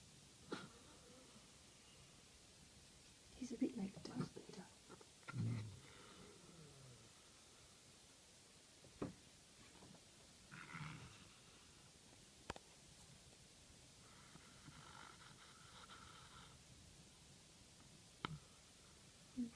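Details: 8-month-old male Maine Coon kitten, night before castration: quiet, spaced hiccup-like single sneezes, later found by a vet to be from feline upper respiratory infection; sneezing.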